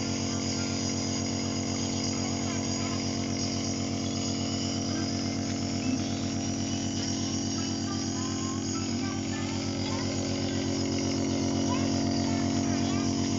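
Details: Steady mechanical hum with a rapid, regular buzzing throb from a nebulizer compressor during a toddler's nebulizer treatment for cough and cold.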